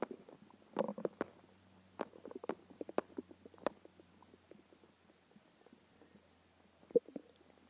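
Quiet, scattered gurgles and soft popping clicks from the belly: hunger growling, normal bowel sounds.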